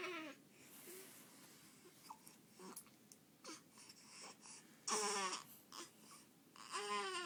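Short, irregular infant cries and fussy vocal sounds with breaths between, in a small room; an ordinary baby cry.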